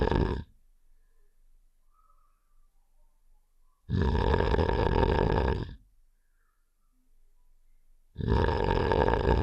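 Two long, rough, rattling low snores about four seconds apart, with quiet pauses between: cartoon snoring sound effect.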